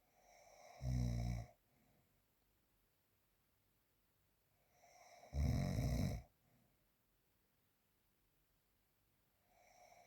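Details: Real, unprocessed recording of snoring during sleep: two rattling snores about five seconds apart in a quiet room, roughly 12 breaths a minute.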